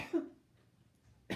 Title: New area rug reveal with coughing